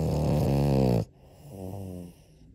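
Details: Sleeping French bulldog: a loud, buzzing breath followed by a softer, rattling one; snoring.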